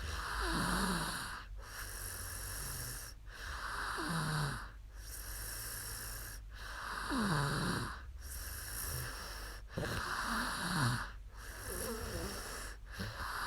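Soft, regular snoring with a fluttering, slightly tonal rattle on each breath, about 19 breaths a minute.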